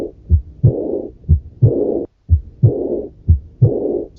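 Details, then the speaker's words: Pediatric auscultation teaching: a high-frequency blowing early diastolic murmur starting immediately after the second sound at about 61/min. It is heard best with the diaphragm and with the patient sitting, and is aortic regurgitation. "Entonces estos soplosen suelen ser de alta frecuencia y se oye mejor con la membrana. Entonces este es un soplo de insuficiencia órtica."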